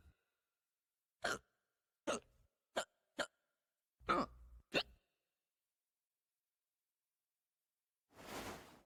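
Six abrupt, clipped breath catches in about four seconds, then a long exhale; repeated hiccups.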